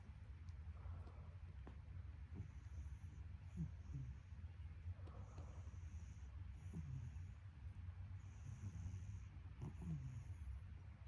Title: Cat snoring#cats